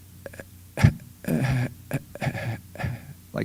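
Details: Acted imitation of respiratory dystonia, made more obvious than usual: breathing noises from segmented airflow or involuntary breath holding on inhalation or exhalation, bursting out in pieces; breathing spasms.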